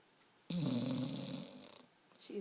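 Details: A sleeping female pit bull gives a single long, rumbling, fluttering breath sound, loud at first then fading; the owner says the snoring gets worse as she sleeps: snoring.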